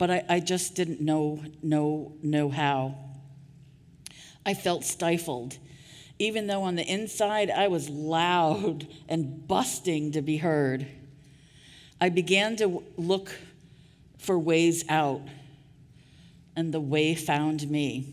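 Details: Adult woman with real stuttering speaking at a 2023 stuttering association conference keynote; audible part-word repetitions; stuttering.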